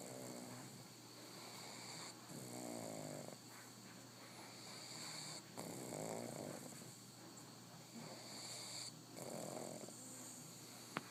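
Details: Female pug snoring while napping: soft, rumbling snores with each breath over steady room noise.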